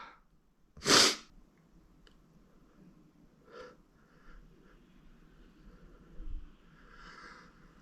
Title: POV dominant sneezes (M)